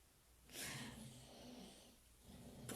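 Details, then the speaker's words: Snoring from someone asleep nearby, heard in the background while a woman speaks French during an online pastel drawing lesson; she remarks that he keeps snoring. "Mais ronfle. Je ne sais pas si vous l'entendez, mais il ronfle. Ah, vous l'avez entendu?"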